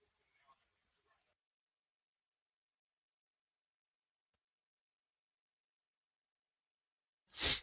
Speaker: um I'm gonna sneeze hold